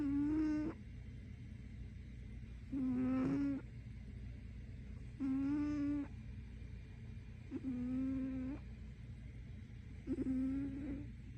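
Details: Snoring from a sleeper whose snoring gets loud enough to wake herself up: five regular squeaky, whistling snores, about 24 a minute, each under a second long, over steady room hum.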